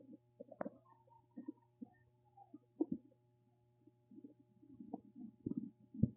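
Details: Soft gurgling and bubbling rumbles with a few louder squelches over a faint steady hum; ordinary stomach rumbling (borborygmi).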